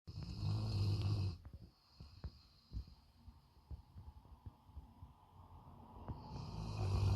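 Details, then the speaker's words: Dog snoring, with deep, low rumbling snores at the start and end and soft clicks and snuffles in the quieter middle. "Is he snoring too loud? He doesn't let you sleep?"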